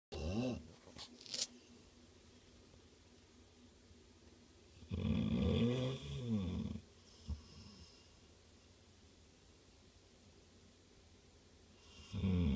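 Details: Loud, drawn-out rattling snores with long quiet pauses between breaths in a quiet room; snoring during sleep.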